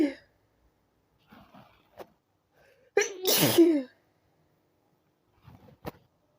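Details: Quiet preparatory breaths, then one loud, full, unstifled sneeze with a voiced cry at its end, followed by soft sniffs; sneezes grew stronger and were let out rather than stifled.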